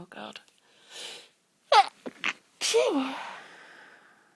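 Several short, muffled sneeze bursts with breathy intakes, ending in a fuller half-suppressed sneeze and a soft vocal trail. Stifled sneezes.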